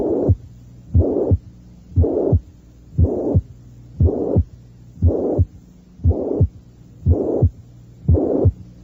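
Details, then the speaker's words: Mitral regurgitation recorded at the apex on a teaching tape: normal heart sounds near 59/min with a faint high-pitched systolic murmur between the two sounds, heard first without, then with, the murmur. "los ruidos cardíacos son normales y existe un débil soplo sistólico de tono alto por insuficiencia mitral"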